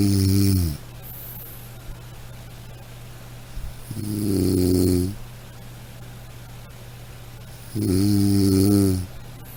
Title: Soothing Snoring Sound - Black Background